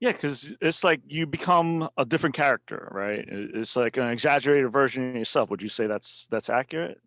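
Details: Adult man speaking; typical speech.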